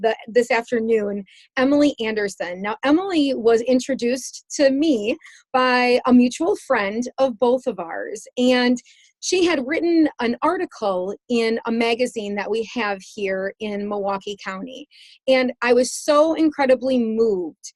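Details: Adult woman; typical speech.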